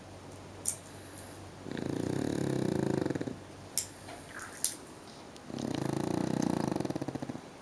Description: Pug snorting - funny...our pug is snorting loudly...Snoring Pugs are funny!! Mops is snoring LOUDLY...